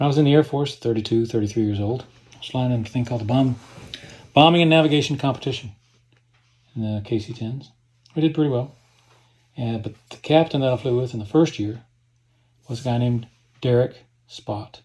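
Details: Hypokinetic dysarthria (Parkinsonian speech) in a man with Parkinson's disease diagnosed at age 54 in 2018, treated with DBS surgery; his neurologist called his voice flat, without inflection, low in volume, whispery and hard to understand.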